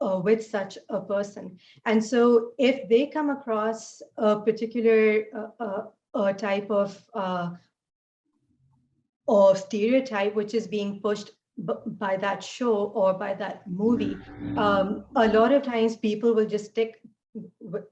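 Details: Adult woman who stutters; she says fasting and poor sleep take a toll on her speech; stuttering.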